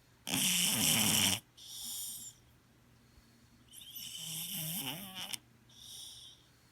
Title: Snoring Cat